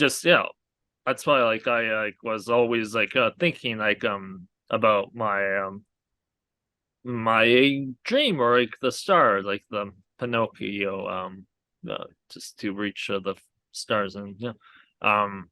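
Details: Aphasia in a male stroke survivor who had a hemorrhagic stroke from an arteriovenous malformation at age 20; a guest says his speech has improved greatly over the past three years.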